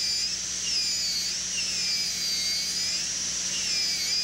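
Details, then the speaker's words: High-speed air turbine with number 1 round bur and water spray, preparing a Class I buccal pit on the lower right first molar (tooth 30) for gold foil: steady high-pitched whine dipping as the bur meets tooth, with spray hiss. "We have our number one burr mounted in the air turbine. We will be utilizing here the water spray, using the round burr in order that we can make the penetration into dentin to establish the axial wall."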